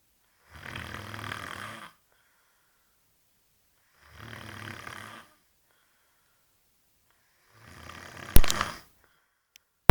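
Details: Man snoring at night after drinking at a village celebration: three loud, low, rattling snores, each about a second and a half long, with quiet pauses between and a snort ending the last.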